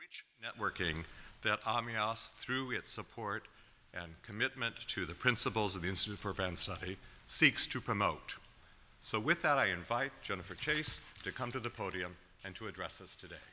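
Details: Adult man speaking at a podium; normal adult speech.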